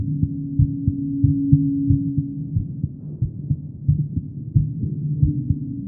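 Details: Steady low thumping heartbeat of a female, about 90 beats a minute, over a constant hum; a normal heartbeat.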